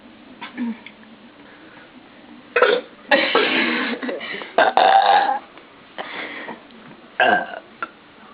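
Several loud, rough belches in a row, with short pauses and faint voices between them: repeated burping.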